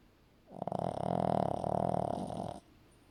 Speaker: and just in case you thought it was just that you can have a longer clip of some snoring ASMR from Marley a 15-year-old Shih Tzu